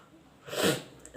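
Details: Sneeze induced by poking a flower broom (phool jhadu) into the nose, without a handkerchief: a single short, forceful sneeze in a quiet room.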